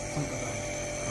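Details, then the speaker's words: Steady mechanical hum and buzz of a compressor nebulizer with a mask, medicine added, running in a small room while a person with a cough inhales the mist. "हे पहा हे machine आणलंय वाफेचं नाही मग कशाचं वाफेचं"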